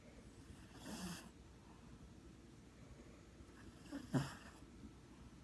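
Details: Dog (Chico) snoring loudly in sleep: two soft, rough snorting breaths a few seconds apart over quiet room noise.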